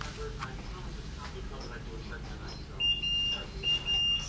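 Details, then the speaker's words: Repeated high-pitched electronic beeps from a bedside monitor sounding an alert over steady room noise in a hospital room minutes after birth of an overdue newborn; the mother is cramping and in pain. "Yeah, there's beeping. Okay, I'll let your nurse know."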